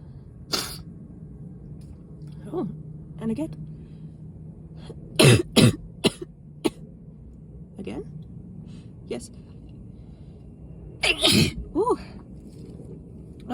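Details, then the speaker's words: Run of sharp, explosive sneezes in quick clusters with breathy gasps and voiced exclamations, an adult's sneezing fit triggered by heavy dust while sick; sneezing fit. "oh I feel more that definitely feels like I'm gonna sneeze again like that and again oh"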